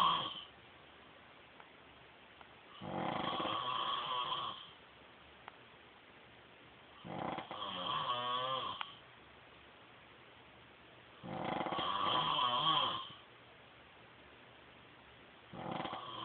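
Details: A husband snoring: long, buzzing snores roughly every four seconds, about 14 a minute, with quiet pauses between them in a quiet room.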